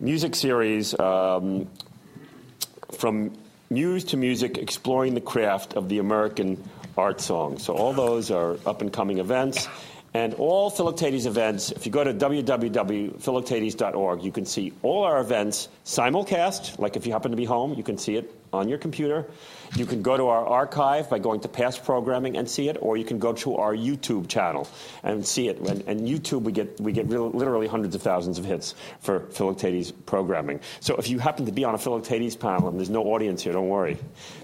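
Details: Adult male speaker; typical speech.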